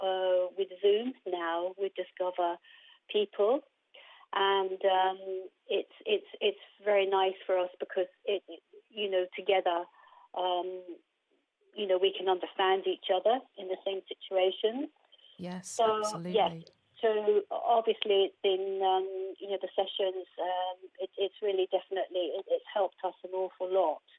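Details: Aphasia in an adult woman after a stroke in 2019; her main difficulty is processing what she hears rather than getting words out, and at first she could not speak at all.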